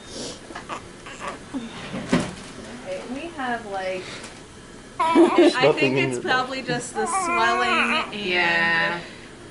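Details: High-pitched, wavering cries from a newborn girl right after birth following a 4-hour labor with epidural, rising over quiet adult talk; a normal first cry.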